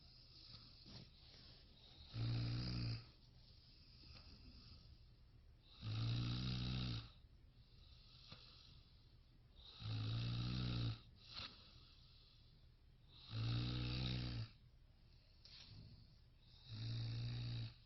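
Loud, low rattling snores on each breath in, about 16 breaths a minute, with quiet breathing between.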